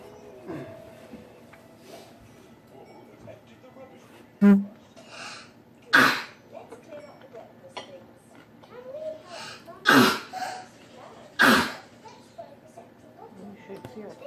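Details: About five sharp, separate coughs spaced a few seconds apart, with soft sounds and room noise between; coughing.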